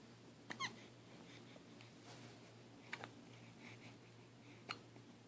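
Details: 9-week-old baby hiccuping: three brief, sharp catches about two seconds apart over quiet room hum; infant hiccups.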